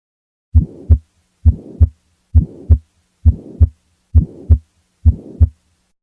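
Regular heartbeat near 67 a minute with a rushing murmur between the first and second sounds, a systolic murmur.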